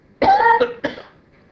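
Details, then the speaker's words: Adult woman with a changed cough she likens to a wounded goose: two harsh, honking cough bursts with a strained, almost tonal quality. "sorry my cough really changed to it's I sound like a wounded Goose or something when it rips out"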